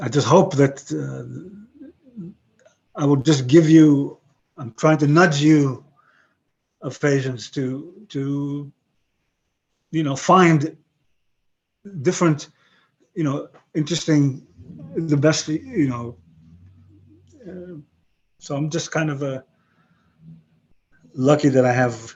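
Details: 62-year-old man with aphasia after a stroke about 11 years earlier; he lost his other languages but kept broken English and Hebrew; aphasia.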